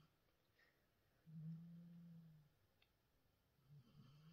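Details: Adult man snoring in the background in a quiet room: low, rumbling snore, another breath starting near the end; ordinary snoring.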